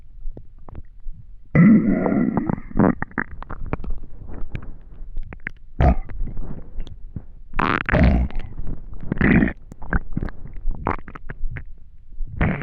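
Irregular gurgling, rumbling and squeaky growls from the stomach, coming in bursts; hunger-related bowel sounds.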